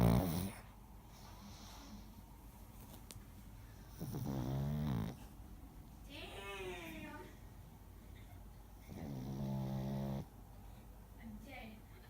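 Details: Jango snoring very loudly: slow, groaning snores with a buzzy, drawn-out tone, about three over twelve seconds, in a quiet room.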